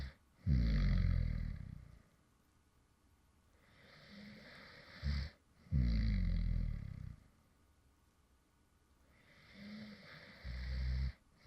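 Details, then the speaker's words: Light snoring from a man who fell asleep mid-recording: deep, rumbling snores on each in-breath with quieter out-breaths, about 12 breaths a minute; ordinary snoring during sleep. "deo, and this is actually some light snoring sounds from me when I actually fell asleep in the middle of recording a previous video."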